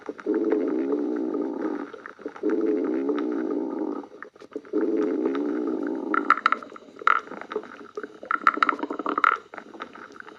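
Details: Stomach growling (borborygmi): long, low gurgling rumbles lasting a couple of seconds each, then softer bubbling gurgles.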